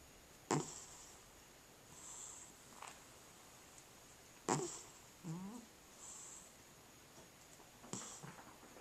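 Soft, irregular snoring breaths from a sleeping cat, about 15 a minute, with faint room noise and a few sharp clicks.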